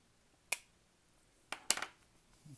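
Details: Three sharp mechanical clicks in a quiet room as the spring-loaded lancing device of a Metene TD-4116 glucose meter kit is cocked and fired to prick the side of a cleaned fingertip.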